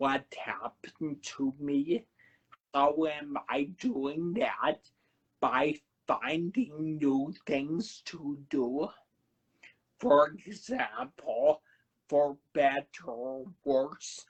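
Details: Man who had a cerebellar stroke at age 35 in September 2013, initially unable to talk, with a paralyzed vocal cord and aphasia mentioned; dysarthria with dysphonia after stroke.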